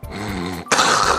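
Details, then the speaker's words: Imitated explosive snoring with sleep apnea, mimicking a husband's loud snoring: choking, strangled-sounding snores as the airway obstructs, then a cough-like gasp as breathing resumes. "他知道他自己打呼很大声，可是他也不知道这个叫做睡眠呼吸中止症，他就等我睡着了之后他才睡。"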